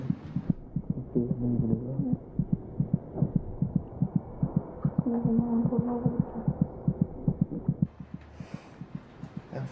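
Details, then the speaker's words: Normal fetal heartbeat heard by ear on the mother's abdomen: rapid, regular soft thumps at about 150 a minute, about twice the mother's rate, with faint background music. "now it's possible to hear the fetal heartbeat just by putting an ear to the mother's abdomen"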